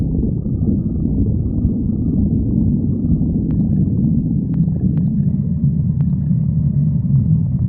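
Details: Steady deep rumbling with a few faint gurgles and clicks; stomach growling (borborygmi).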